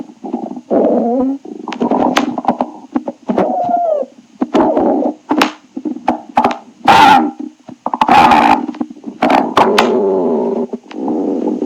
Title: Stomach growling tribute 6